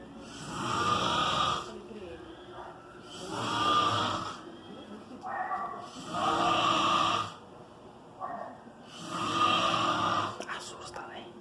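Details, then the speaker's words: Father snoring heavily while asleep at 1:40 a.m., recorded by his child who shares the room: loud, rough snores on each breath, about four in eleven seconds, with softer breathing between. "Meu pai tá dormindo. Meu pai deve tá dormindo, tá roncando muito."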